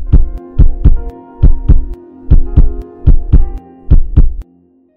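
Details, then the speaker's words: Educational heart animation, heart rate about 72 per minute: regular lub-dub, louder first sound from atrioventricular valve closure, softer second from semilunar valve closure; normal heart sounds. "the characteristic ldb sounds of the heartbeat are produced as the valves close the closing of the atrio ventricular valves produces the louder Lu sound and the closing of the semi lunar valves produce the softer dub"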